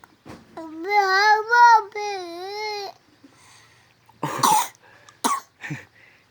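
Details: Young child singing sholawat devotional verses sustains a melodic phrase, then breaks into a few short, harsh coughs.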